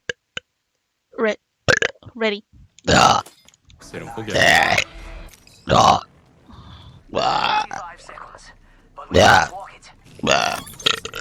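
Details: Burping from a vtuber's stream compilation: several separate loud burps, some voiced and drawn out, strung together from different moments.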